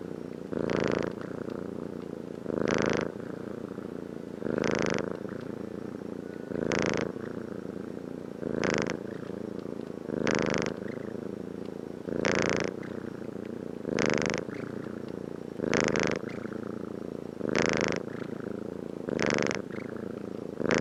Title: Snore sound